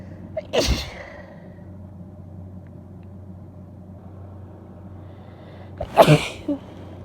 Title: Big Wet Sneezes (F)